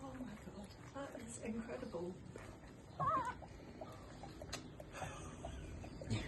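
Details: Thin, high, wavering squeals from a newborn male puppy that was stuck in the birth canal, delivered with assistance and struggling to breathe, as it is vigorously rubbed to stimulate its first breath. Human voices and handling noise are nearby.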